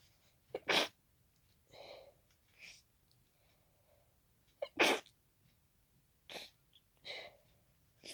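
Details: Hay fever sneezing fit into tissues after pollen exposure: a rapid run of sharp, congested sneezes with sniffly breaths between them; sneezing.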